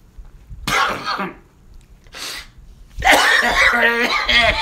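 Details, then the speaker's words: A single harsh adult cough burst, then throat clearing and a brief voiced noise. The cougher jokingly asks whether it sounds like mesothelioma, COPD or lung cancer; no real diagnosis is given. "Alright, guess this cough. Mesothelioma, COPD, or Walter White lung cancer?"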